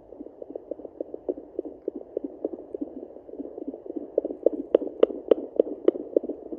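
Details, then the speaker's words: Rapid, regular whooshing puppy heartbeats at roughly 210 a minute, heard by fetal Doppler through the belly of a pregnant Yorkie at day 49 of gestation, earlier scanned for 3 puppies; the mother moved and is covered in gel. "Well, that's the best I can do for now. See, she's all gooped up, so you've heard the heartbeats."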